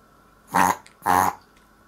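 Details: Chihuahua with heart disease that has had reverse sneezing several times daily since puppyhood: two loud, honking snorts in a relatively mild reverse-sneezing episode; episode length varies and looks distressing.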